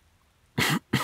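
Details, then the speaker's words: Two short, dry acted coughs from an adult man in quick succession, a sick boyfriend role-play audio who insists he has no fever; cough. "see itty bitty cough no worries don't look at me like that"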